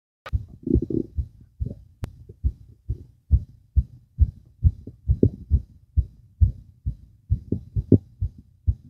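Rapid, fairly regular low thumping of a heartbeat, faster than a resting rate.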